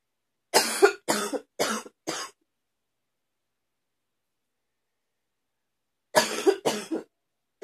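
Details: Ongoing morning cough: two bursts of rapid coughing, four coughs then three, with a pause between.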